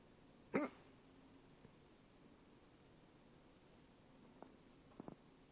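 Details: A single sharp, brief, loud hiccup from the adult recording, which came with a yawn, in a quiet room, followed by faint small sounds as the sleeping baby wakes.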